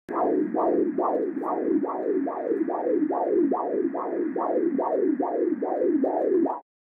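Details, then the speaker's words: Rapid rhythmic whooshing pulses at about 140 per minute: the heartbeat of an unborn baby girl on Doppler at a pregnancy ultrasound scan. "in case you're wondering that was not the sound of the compressor it's the sound of my unborn granddaughter's heartbeat"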